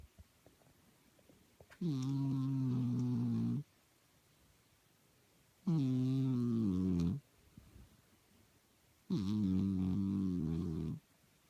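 Three long, low, rattling snores at a steady pace, about 17 a minute, with quiet pauses between them in a small room. Ordinary snoring.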